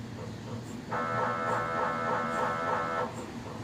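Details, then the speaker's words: MRI scan of an adult man checking a brainstem mass, in a mobile MRI trailer, recorded outside from closer to the trailer: muffled rapid buzzing pulses in a steady rhythm, like keyboard typing; MRI scanner noise. "sounds like somebody playing on a computer keyboard okay so that's what the sound of an MRI machine is now you know"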